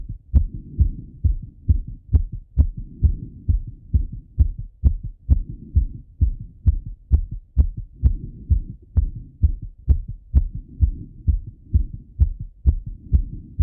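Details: Fast, strong, regular heartbeat at about 130 beats per minute in a male, self-auscultated with a stethoscope after coming home from a run; rapid heartbeat after exercise.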